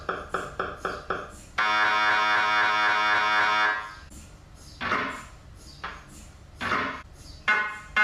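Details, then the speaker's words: Loud rhythmic beeping knocks, a long steady buzz, then repeated chirping bursts from an fMRI scanner generating magnetic fields to measure brain blood flow; noise is loud even with ear plugs. "This machine is rather daunting. It makes loud noises as it generates magnetic fields in order to measure blood flow."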